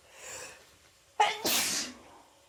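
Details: Sneezes released with the help of chhinkni after holding them back at work all day ("cold sneezes"): a quick indrawn breath, then one sharp, forceful sneeze with a hiss of air trailing off.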